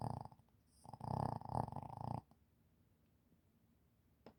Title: Shih Tzu Snoring While Sleeping